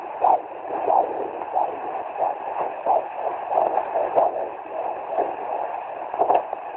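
Rhythmic whooshing pulses over steady Doppler hiss: a fetal heartbeat picked up by Doppler at 17 weeks of pregnancy.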